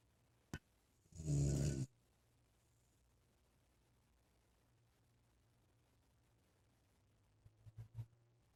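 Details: Loud snoring likened to an old man's, traced to a sleeper under a desk: one loud, rough, low snore, then a quiet pause and a few softer snorting breaths; snoring.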